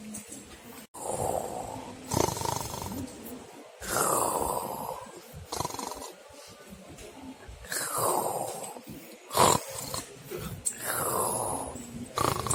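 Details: Loud snoring: harsh, gravelly snorting breaths repeating every few seconds in a noisy recording.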